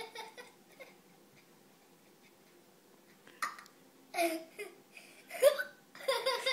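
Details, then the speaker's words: Young child with hiccups: short abrupt voiced catches mixed with giggling and babble in a quiet room, fitting hiccups. "So what is it you've got? Hiccup. You've got hiccups? Yeah."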